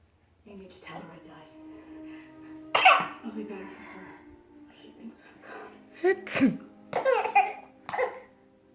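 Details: Mother's sneeze: a sharp, explosive sneeze burst among soft voices, followed by her baby's short laughing squeals.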